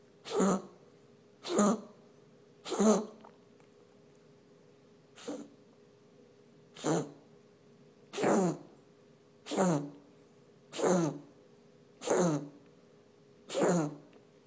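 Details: Pet patient recorded for veterinarian review during a coughing spell: eleven short, sharp coughs repeating about once a second over a faint steady hum.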